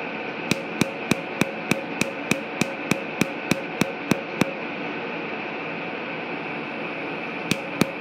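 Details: Laser tattoo removal near completion: sharp, regular laser snaps at about 200 a minute, then a pause and two more pulses over a steady machine hum.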